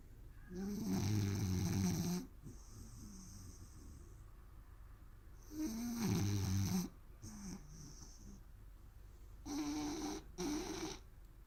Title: 1 min of snoring Rooster